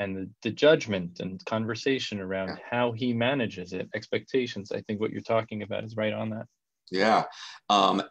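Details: Adult male speaker; normal speech.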